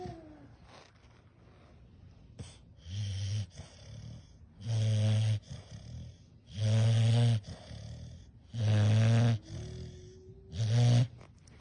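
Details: Dogue de Bordeaux puppy snoring: deep, rumbling snores about every two seconds, roughly 30 a minute, with quieter breaths between.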